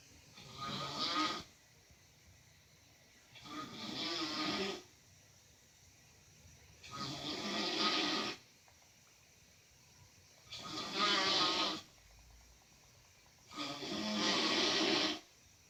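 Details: Uncle snoring: loud, harsh, rattling snores every 3 to 4 seconds, about 18 a minute, with quiet between, heavy snoring.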